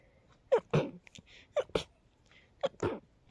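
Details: Sleepy person sneezing uncontrollably: three quick paired bursts, each a sharp inhaled catch then explosive puff, in close succession; run of repeated sneezes.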